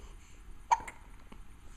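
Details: A person with hiccups gives a brief abrupt hiccup followed by a softer second catch, with quiet room noise; hiccup.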